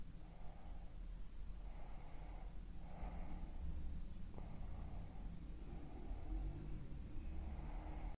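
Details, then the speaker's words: Soft, low, regular snoring breaths in quiet sleep, recorded by sleep monitoring while an obstructive sleep apnea patient wears a mandibular advancement device, after treatment reduced snoring and daytime sleepiness; snoring. "el paciente reportó Un aumento de energía diurna la somnolencia diurna disminuyó notablemente así como los ronquidos Y el dolor mandibular en el siguiente audio se registró el monitoreo del sueño con el dispositivo de avance mandibular"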